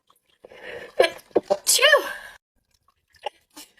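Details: A girl, in a sneeze compilation, takes a quick breath in, then gives a single sharp sneeze that trails off into voice: one ordinary sneeze.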